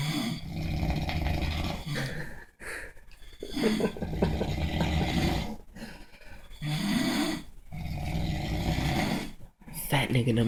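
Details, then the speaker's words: Loud, deep rattling snores from two sleeping overweight men, long noisy in-breaths with short quiet gaps, growing louder: heavy snoring. "two just got louder it's getting more aggressive he feels threatened nothing else to say"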